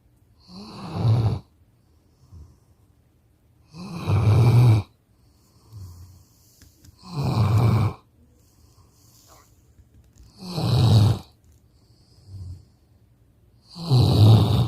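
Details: Tired puppy snoring loudly while lying against its owner on the couch: loud, regular rattling snores about every three seconds, roughly 18 breaths a minute, with softer breaths between them; heavy sleep snoring.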